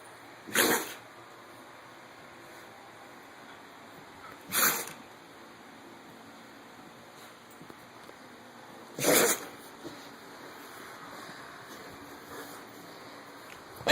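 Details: Three sharp, forceful sneezes from a dog a few seconds apart in a quiet room, part of sneezing continuing for ten minutes.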